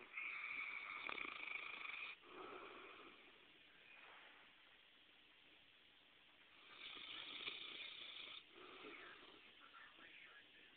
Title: My Dog Snores